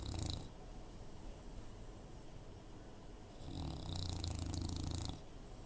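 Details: Female bulldog: low rumbling, snorting breaths at the start and near the end with quieter breathing between, sometimes very loud; snoring.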